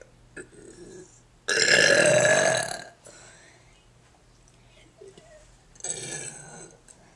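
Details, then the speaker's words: A long, loud, rumbling burp lasting over a second, then a shorter second burp a few seconds later, in a burping contest; burping. "Hey guys, this is the burping contest video that got erased, so I'm redoing it."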